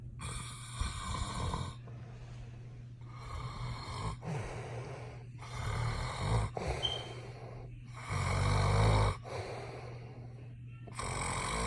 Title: Snoring super loud